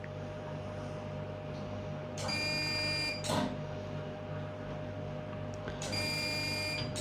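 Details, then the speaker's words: Hestia-S CO2 fractional laser doing full-face resurfacing in a nurse's clinical demonstration, one intense pass leaving a grid of dots on the skin: steady room hum, then two bursts of sharp high-pitched tonal beeping as the laser fires. "As I said, for resurfacing, which is what we're doing now, it's a more intense laser, but only one pass."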